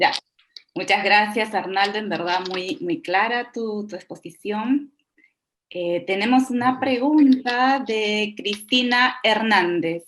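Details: Adult woman speaking Spanish; ordinary speech.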